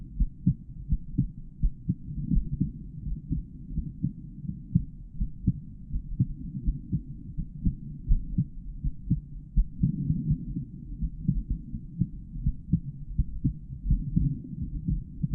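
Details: Real normal adult male heartbeat recorded through a stethoscope with a microphone inside the earpieces, auscultated over the different heart valve areas.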